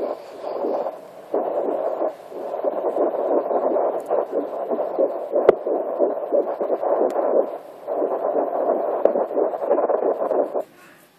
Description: First time listening to my son via Doppler! 9 wks.